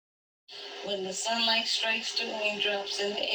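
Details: Patient with vocal fold paralysis/paresis after a vocal fold implant and arytenoid adduction; the voice is stronger and more appropriately pitched; improved voice after vocal fold implant and arytenoid adduction.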